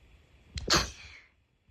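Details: A single sharp sneeze: a brief catch of breath, then an explosive burst of air trailing off into a hiss.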